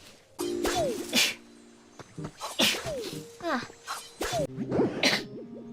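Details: Weekly compilation of sneezes by Nijisanji VTubers during streams: several sharp, breathy sneeze bursts in quick succession over game music and sound effects; repeated sneezing.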